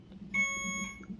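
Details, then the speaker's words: A steady, high electronic alarm beep over a low room hum from a monitoring machine beside a 38-week pregnant woman in labor and delivery triage with ongoing nausea and vomiting. Earlier it beeped for ten minutes over a low battery. "This machine, y'all. The first time it was beeping for like literally 10 minutes because the battery was low and she had to plug it in."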